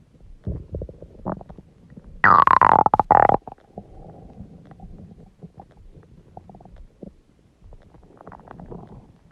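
A loud, drawn-out gurgling growl over quieter rumbling; ordinary stomach growling from gas and fluid moving through the gut.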